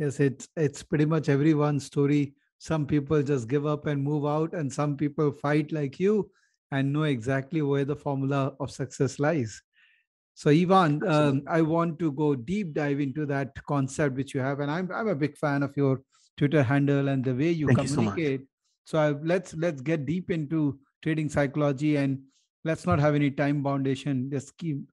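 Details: Adult male speaker; normal speech.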